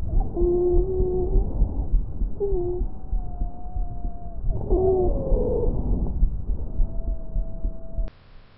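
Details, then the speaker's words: Adventitious lung sounds: musical, high-pitched whistling tones over breath sounds with heavy low rumble, typical of wheezes. "Asimismo se pueden distinguir otros ruidos adventicios que se superponen a los ruidos normales y son los estertores que se escuchan disfónico e intermitentes las sibilancias que son ruidos agudos como un silvido"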